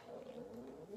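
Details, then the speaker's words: Low, wavering, drawn-out rumble lasting about a second, heard during a makeup demonstration; the person remarks their own stomach is growling. Normal stomach growling (borborygmi). "stomach is growling can you guys hear that oh my goodness"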